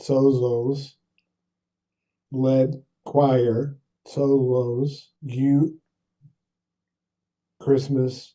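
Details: Adult stroke survivor with aphasia for seven years after a brain bleed caused by coughing during pneumonia; struggles with numbers, word retrieval and sentences, apraxia also affecting speech; aphasia with apraxia of speech.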